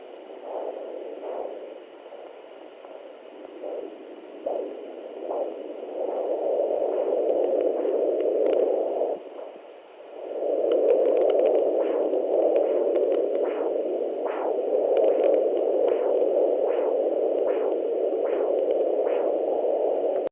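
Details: Steady windy whooshing on a home fetal Doppler, with faint fast rhythmic pulses running through it.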